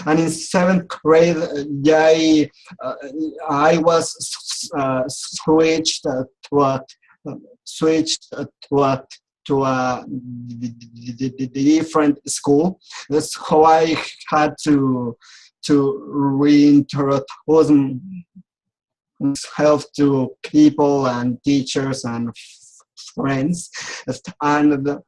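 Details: Adult who has stuttered since age 4, attended speech therapy, and still clearly stutters; stuttering.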